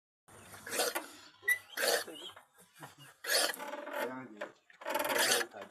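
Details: Goat coughing: four harsh, raspy coughing bursts with short breaths between.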